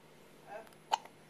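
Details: Infant with hiccups, first time seeing sunlight, before a feed: a soft vocal sound followed by one sharp, abrupt hiccup catch.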